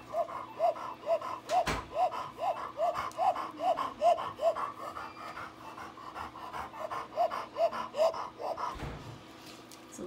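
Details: Female Labrador with laryngeal paralysis: rapid, harsh, honking breaths with a tonal rasp on each cycle, inspiratory stridor.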